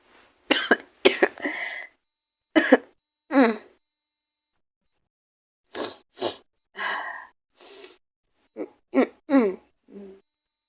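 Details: Person with a cold, sore throat, hoarse voice and headache: about a dozen harsh, raspy coughs, singly and in short runs, with a hoarse throat-clearing quality.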